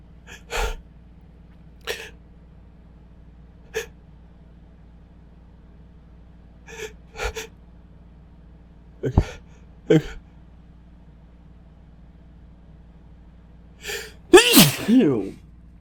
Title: Failing to talk through building sneezes